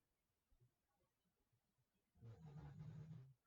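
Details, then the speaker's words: Snoring heard in the background of a quiet room: a faint, low rattling snore lasting about a second. "don't know if you can hear snoring today."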